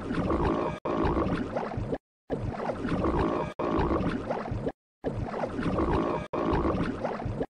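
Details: Stomach growling (borborygmi): loud, low gurgling rumbles with swooping, groaning pitch, in three similar bursts separated by brief silences.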